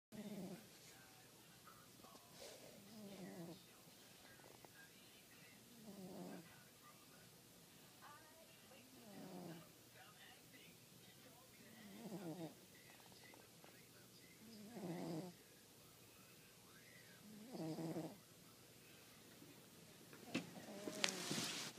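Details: Five-year-old cat snoring as loud as a human while asleep: loud, regular rumbling snores about 21 breaths a minute.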